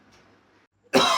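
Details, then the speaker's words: Acted cough of a grandfather in a Hindi comedy skit, his cough said not to stop: a quiet room, then an abrupt loud cough burst. "अ दादा जी यार आपकी खांसी तो रुक ही नहीं रही यार।"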